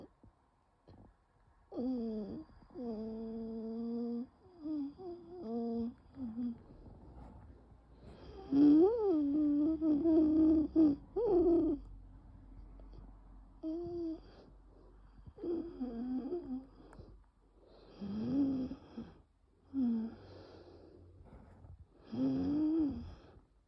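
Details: Adult in a severe nocturnal asthma attack with bronchospasm and no coughing: loud musical wheezes on repeated breaths, the bronchi slowly reopening after rescue medication; wheezing.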